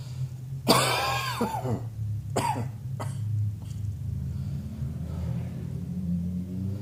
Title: Cross Dressing Coughing 15